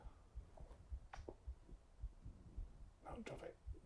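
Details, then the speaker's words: Normal heartbeat and purring of a female cat, picked up by a microphone: soft, low, regular thumps at about 107 a minute under a low rumbling purr, with brief voices. "Oh, you can hear the purr and heartbeat in the mic? That's so cute."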